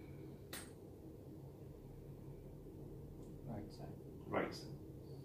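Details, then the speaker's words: Tuning fork struck and placed on the forehead for the Weber test during a hearing examination, a faint steady hum with brief handling clinks. Rinne positive in both ears and Weber lateralized to the right, consistent with left-sided sensorineural hearing loss. "so what are you doing now is pulse it again and this time I'll place the on your forehead and you have to tell me where you can hear better whether in the left ear or right here or you don't hear anything all right"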